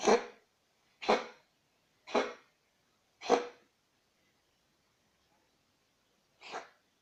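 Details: Dog's cough recorded 25 May, possibly after an injection: five short, harsh expulsive bursts, four about a second apart and one after a pause.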